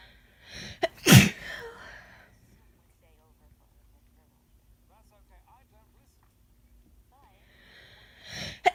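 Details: Adult with a cold sneezing naturally: two sharp sneezes, one with a quick inhale near the start and another at the end, with quiet between them.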